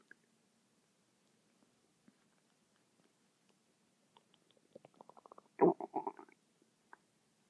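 After near silence, a run of squeaky bubbling pops builds into a loud gurgling rumble; ordinary stomach growling (borborygmi).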